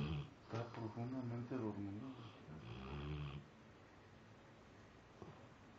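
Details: Sleeping Labrador Retriever, apparently dreaming with twitching and eye movements; low, rough, vibrating snore sounds over a few seconds, then quiet: snoring.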